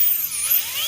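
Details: High-pitched whining high-speed dental handpiece, pitch falling and rising as it meets tooth, during root canal treatment; dental drill.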